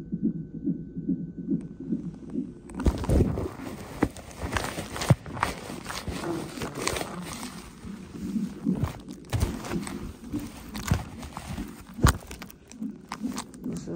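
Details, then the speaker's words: Woman 34 weeks pregnant in labor and delivery triage for unbearable pain and pressure, possibly Braxton Hicks, with a sharp pain just felt. A rapid, regular whooshing fetal heartbeat of about 140 a minute on the fetal monitor, then handling noise. "I just had a very very sharp pain look at hear the heartbeat they got me on the"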